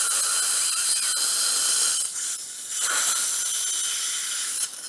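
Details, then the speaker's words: Dental implant drilling, 2.2 then 3.5 mm drills, upper right second molar site in a middle-aged woman with 2–3 mm residual bone, sinus lateral window with simultaneous implant placement: steady high-pitched whirring hiss, briefly easing and resuming. "Okay, second drill, 2.2 drill, 2.2. Okay, third drill, 3.5. 3.5."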